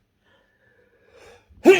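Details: Person sneezing during a sneeze challenge, possibly triggered by garlic in the nose: a quiet breath intake, then a single sharp, explosive sneeze.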